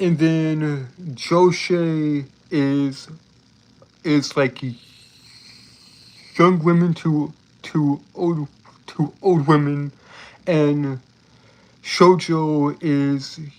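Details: Adult male with self-reported speech impediment, embarrassed at how long a word took to say; speech disfluency from speech impediment.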